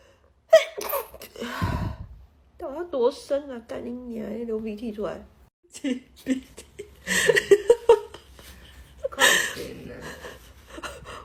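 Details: Sneeze then laughing speech and further sneezes amid voices, triggered by a nasal swab during Covid-19 testing; compilation of induced sneezing from nose swabbing.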